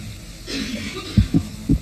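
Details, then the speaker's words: Dog's heartbeat through a stethoscope: three quick low thumps, fast, but slower than a hamster's and faster than an adult human heartbeat; dog heartbeat. "So if I listen to Hamish's heartbeat, are you all right, Hamish? Let me just do that. Oh, it's so fast. It's really, really fast."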